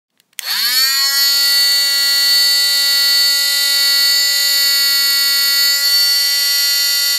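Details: An oscillating plaster cast saw starts up and runs with a loud, steady, high-pitched whine.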